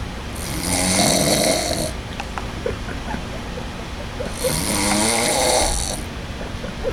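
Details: Brother with a snoring problem: two long, rough, rattling breaths with a pause between, loud snoring during sleep.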